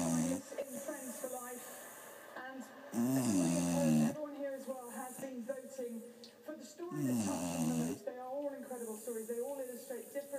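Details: Beagle dog snoring loudly in sleep: loud, rattling, voiced snores about every four seconds, roughly 15 a minute, with quieter breathing between.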